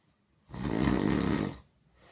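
A single loud, harsh, rattling snore lasting about a second. Snoring.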